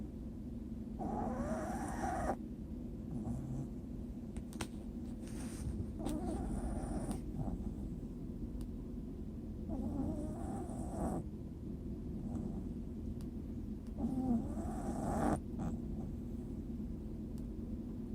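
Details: Rhythmic rumbling snores during sleep, about four in 18 seconds, over a steady background hum; ordinary snoring.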